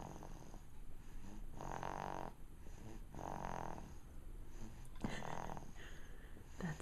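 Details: Sleeping dog (named in caption as Jack) snoring: low, rattling snores on each in-breath, about three in seven seconds, over steady background hum.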